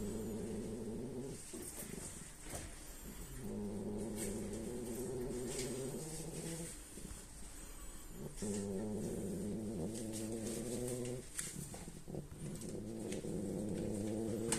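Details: Sleeping French Bulldog (female) snoring with a steady, rattling rumble on each breath.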